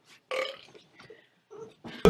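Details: A loud, drawn-out voiced burp followed by brief quiet vocal sounds and a sharp noise at the end, from a male YouTuber in a burping compilation; an ordinary belch.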